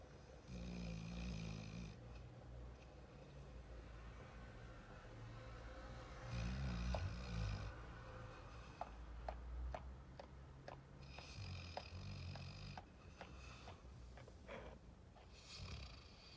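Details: Sleeping Labrador puppy, said to snore like a grown man: deep, rumbling snores repeating in long noisy breaths, with some soft clicks between them; snoring.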